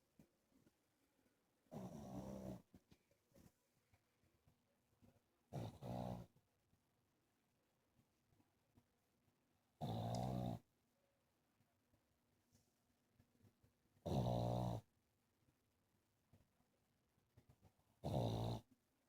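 Loud rattling snores recurring about 15 times a minute with quiet between them, typical of a short-nosed dog's snoring.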